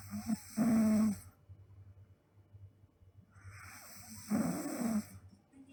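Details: Sleeping girl snoring: two loud rough snores on breathing in, separated by a quiet pause.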